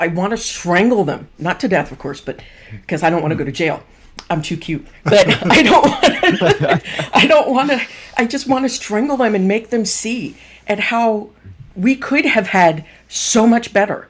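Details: Adult speaker; typical speech.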